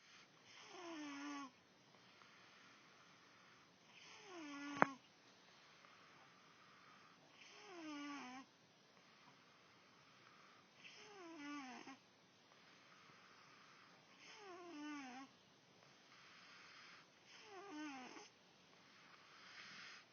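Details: Soft, whistling snores on each in-breath, about 20 a minute, regular and quiet, with one brief click: snoring.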